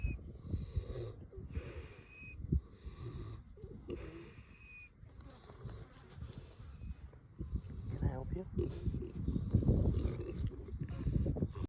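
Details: KuneKune boar pig asleep outdoors: low grunting snores with faint high whistling notes on some breaths; snoring with whistling.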